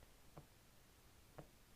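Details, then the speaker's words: A 20-year-old reports swollen fascia on the entire left side; turning the shoulder gives two faint, sharp clicks a second apart against quiet room noise, consistent with crepitus. "the fashio is really swollen and it cracks it literally crackles in my entire left side so if I were to turn my shoulder like this you'll hear it"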